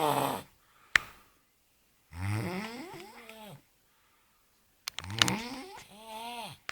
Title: best snore ever!!!